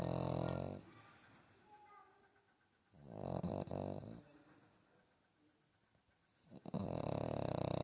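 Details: Loud, rumbling, fluttering snores about every three seconds with quiet pauses between, from a sleeping pug puppy: snoring.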